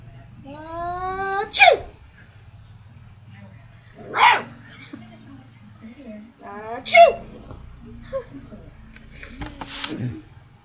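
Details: A dog answers its owner's 'achoo' sneezes with barks and whines, described as the dog's first bark: four sharp sneeze-like bursts in a quiet room, each followed by the dog's barking.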